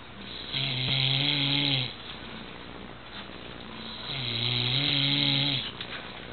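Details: Father snoring after falling asleep while sitting: two long, loud, rumbling snores on the in-breath with quieter breathing between; ordinary snoring.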